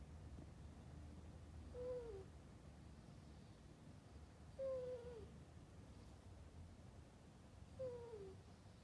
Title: Csoki is snoring...what a heartmelting sound